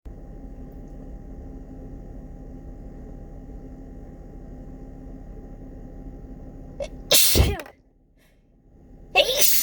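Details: Morning sneezing fit, probably from fall allergies: quiet room, then a sharp intake and a loud explosive sneeze, with a second sneeze starting at the end.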